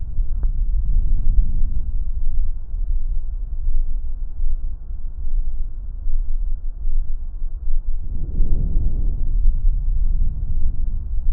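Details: Normal vesicular breath sounds (murmullo vesicular) on lung auscultation: soft, low-pitched rustling that swells with each longer, louder inspiration, heard over the anterior chest, axillae and back, loudest at the lung bases.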